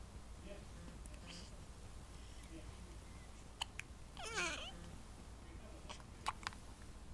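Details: 9-day-old baby with hiccups.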